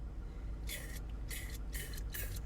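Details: Four short, sharp hissing sprays in quick succession from a metered-dose inhaler, with talk around it; metered-dose inhaler actuation.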